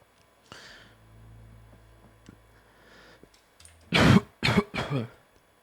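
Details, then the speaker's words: French gamer streaming a Fortnite competition, with a fan running, gives three short, loud coughs in quick succession with some throat-clearing quality, then apologises; plain cough. "je suis désolé de tousser"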